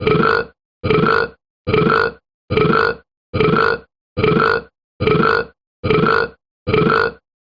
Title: A minute of been burping